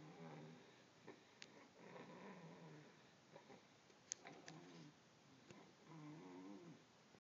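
Soft, regular snoring breaths from a sleeping cat, with faint rattle on each breath in a quiet room; harmless snoring.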